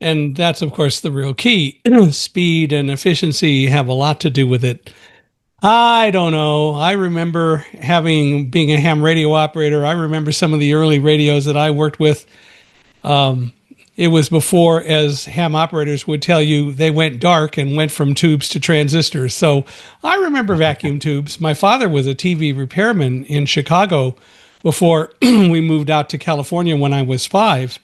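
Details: Adult man; normal speech.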